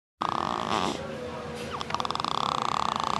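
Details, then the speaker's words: Baby snoring during sleep: fast, rhythmic nasal fluttering and growling breath sounds, described as revving up, with a faint background voice. "sleeping, growling. Wink, wink. He's revving up."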